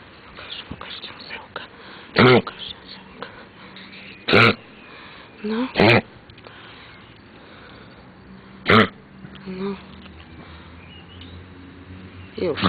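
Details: A dog having a coughing fit on a walk outdoors gives a run of sharp, harsh cough bursts, with soft talk and rustling between them; coughing fit.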